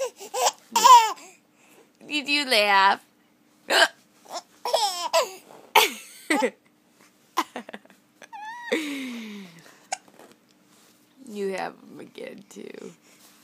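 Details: A young child with hiccups laughing and babbling while talking with an adult who also has hiccups; short, sudden voiced hiccup gulps.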